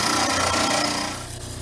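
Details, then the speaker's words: Dental model trimmer with water on, grinding the base of a poured upper study model (VPS impression) to reduce base thickness: steady loud rasping grind of stone against the spinning wet wheel, trailing off as pressure eases. "we'll turn on the model trimmer and turn on the water i am going to do a little bit of adjustment of the angle of the base"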